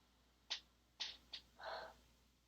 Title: stifled sneezes (f)